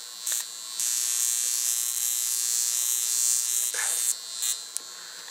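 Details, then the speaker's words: Portable high-frequency facial wand passing argon gas through a glass electrode, here the comb-like scalp attachment: a steady high-pitched electrical buzz with brief crackling snaps as it runs over and touches skin, giving a stinging, tingling sensation. "this does have a sting to it but you know it is argon gas that you know runs electricity through it so you're gonna get a bit of a sting as you would with any product that has electro what i like to call electroshock therapy"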